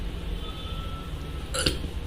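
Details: A single short, abrupt hiccup over quiet room noise from a woman with a persistent, strong bout of hiccups after eating a pomegranate; hiccups.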